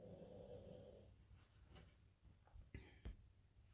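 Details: Small female dog sleeping and snoring very loudly: a rough low rumble followed by short snorting breaths; snoring.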